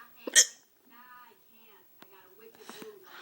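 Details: Adult with hiccups after drinking alcohol, recurring episode.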